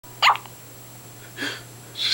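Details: A daughter's hiccups: short, sharp squeaky bursts over a low steady hum, likened to a little puppy barking.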